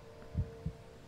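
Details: Normal heartbeat heard with the head on a man's chest in an ASMR roleplay: soft, low, regular heart thumps at roughly 75 a minute over a faint steady hum.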